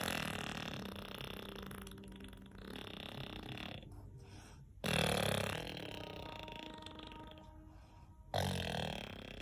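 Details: Child snoring during sleep: long, rough, rattling breath sounds with loud snorting onsets at the start of breaths.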